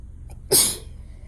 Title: Failed nap, couldn’t stop sneezing